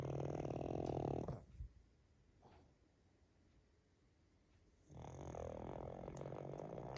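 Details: Pug dog snoring: loud rattling snore that stops for several seconds, then resumes.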